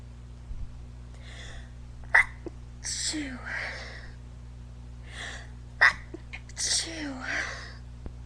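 Two rounds of sharp, explosive sneezes, each with a quick intake beforehand and a soft voiced tail: repeated sneezing.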